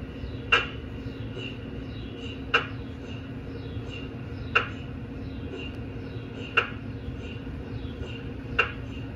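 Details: GE MRI scanner running a liver quality-assurance scan during engineer calibration testing: sharp knocking clicks every two seconds, about 30 a minute, over a steady low hum, scanner acoustic noise.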